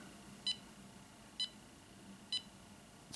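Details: EMAY EMG-20 portable ECG monitor held by the fingers on its metal electrodes: short high beeps at about 65 per minute, one per heartbeat, in a steady rhythm while the ECG trace records.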